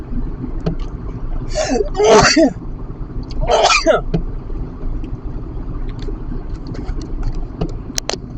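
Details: Pet allergy sneezing while driving home on the motorway from a dog-filled house, having refused antihistamines: two sharp, explosive sneezes over car road noise.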